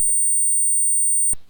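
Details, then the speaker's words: Simulated tonal tinnitus, the type the narrator personally suffers from: a steady, very high-pitched pure ringing tone, the first of seven common tinnitus sounds demonstrated. "अब मैं आपको सात सबसे आम tinnitus ध्वनियां सुनाऊंगा। सबसे पहले टिनिटस का प्रकार जिससे मैं व्यक्तिगत रूप से पीड़ित हूं।"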